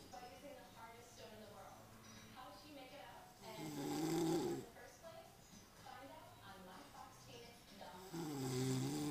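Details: Snoring in an exhausted man: loud, rough, rattling snores on slow breaths, about 13 per minute, with quieter breathing between them.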